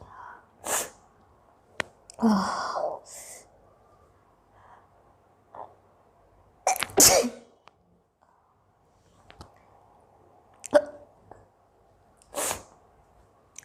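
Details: Indian girl with long-lasting hiccups sneezing in a quiet room: several sharp sneezes with short catches of breath between, likely hiccups; sneeze.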